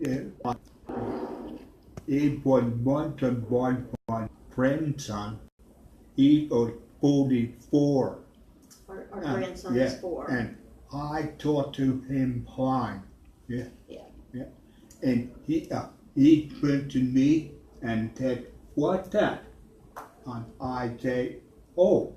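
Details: Adult man with aphasia after a stroke nine years earlier, with total right-sided weakness, speaking in a real conversation; aphasia.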